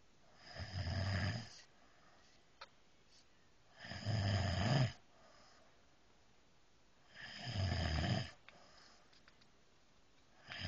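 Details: Snoring during peaceful sleep: deep rumbling snores on each inhalation, about 18 a minute, with quiet gaps between them.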